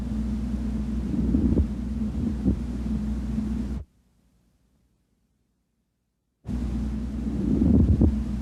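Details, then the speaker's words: Low, coarse rubbing and creaking over the chest, broken by a silent pause, from inflamed or thickened pleura rubbing together; pleural friction rub. "the pleura will rub against rubber rub because there is because of fibrosis or any fluid okay or any neoplastic cells this is plural rub let's hear plural rub"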